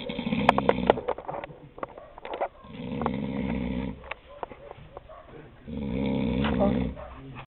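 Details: Adult man (a camp counselor) snoring about five minutes after lights out, filmed in the dark by his nephew: rumbling, rattling snores roughly every three seconds, with small clicks and shuffling.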